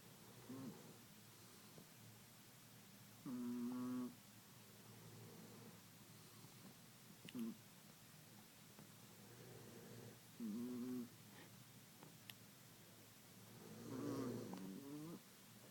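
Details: Chihuahua and adult man snoring together: intermittent snores, some low and rough, some higher and nasal, recurring every few seconds from two sleepers in a quiet room.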